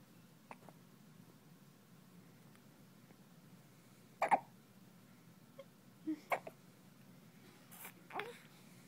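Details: Newborn girl on her first day after birth, in hospital, gives a few short, sharp hiccups in a quiet room and is seen twitching; it is still ongoing and frustrating. Newborn hiccups.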